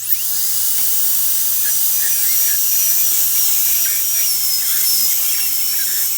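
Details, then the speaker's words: Dental high-speed handpiece with a 330 bur removing decay along a tooth groove before an amalgam (silver) filling: steady high-pitched whine with constant water-spray hiss. "All right, so this is my 330 burr. We're gonna go ahead and remove the decay."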